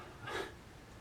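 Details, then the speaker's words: Cat, thought by owner to have allergies, gives a single brief, soft, explosive hiss of air in a quiet room: one sneeze. "cats are sneezing uh one yeah one has allergies or something as you can probably hear hasn't sneezed all day we hit record starts to sneeze"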